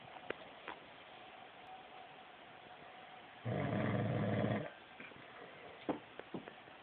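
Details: Snoring: one loud, low, rattling snore lasting about a second, set against quiet room noise.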